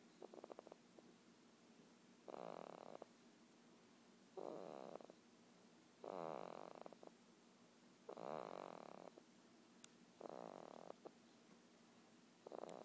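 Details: Sleeping female snores with a rhythmic rattle on each breath in, about six in twelve seconds, with quiet pauses between; ordinary snoring.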